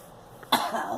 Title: Girl coughing